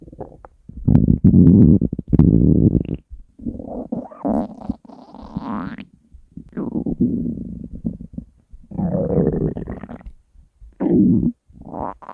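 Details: Hunger stomach growling: irregular low gurgling growls and rumbles, some rising and squeaking; borborygmi.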